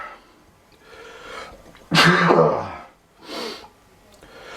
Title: CAN'T STOP MYSELF FROM SNEEZING BECAUSE OF AWFUL ALLERGIES!!!!!!